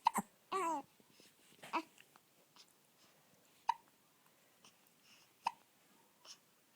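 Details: 1-month-old baby boy with hiccups: soft, sharp, regularly repeated catches in a quiet room with a brief infant vocal sound; infant hiccups.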